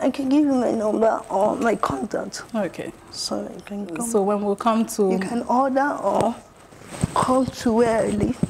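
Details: Adult woman with cerebral palsy; dysarthria in cerebral palsy.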